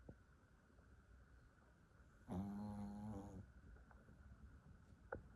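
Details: Sleeping dog, said to be very tired, snoring loudly: one loud, buzzing, throaty snore lasting about a second against quiet room noise.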